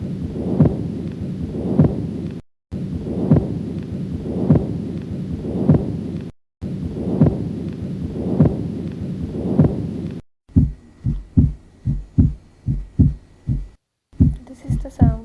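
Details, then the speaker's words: Steady rushing murmur heard with stethoscope that swells with each beat and never falls silent: continuous murmur. "This sound indicates that there is Continous Murmur"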